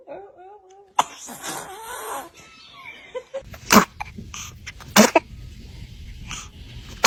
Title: Baby Funny sneezes 😁 #funny #entertainment #comedy #imposibleinthisworld #memes #baby #couples